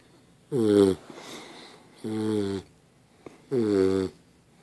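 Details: Sleeping dog snoring: three loud, rattling, buzzy snores about 1.5 seconds apart, each followed by a quieter breath.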